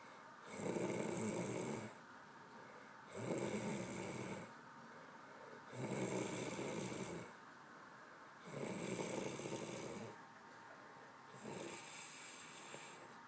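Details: Steady, rough, fluttering snores at about 22 breaths a minute, each over a second long, with quiet gaps between; snoring.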